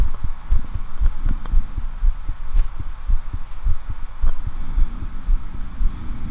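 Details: Adult man examining his own bare chest with a standard stethoscope: steady low thumping heartbeat with soft rubbing and hum in the background; normal heart sounds.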